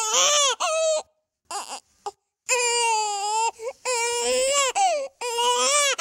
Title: Baby Crying Sound Effect 3